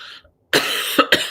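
After a brief pause, an adult gives a harsh, forceful cough that breaks into two more quick bursts: a short run of coughing.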